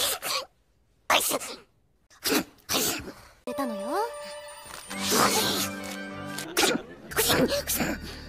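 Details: Several short voiced sneezes from a cartoon character in the anime Gosick, with music and sound effects behind them; sneezing compilation.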